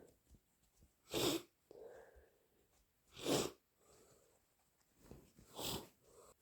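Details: Three loud, wet sneezes about two seconds apart with sniffing between; sneezes possibly induced, allergies suspected, with sniffles and nose blows.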